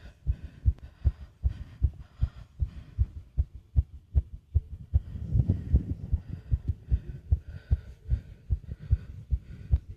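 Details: Fast heartbeat (tachycardia) with heavy breathing sounds.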